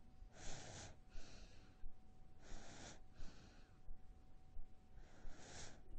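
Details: Sound-effect recording of a sleeping infant: soft, regular, easy breaths with steady room hiss; normal infant breathing.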